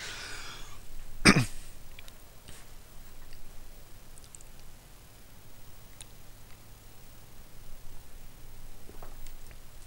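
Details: Adult man commentating with a hoarse, broken voice: one short, sharp cough or throat-clearing burst, followed by quiet room noise.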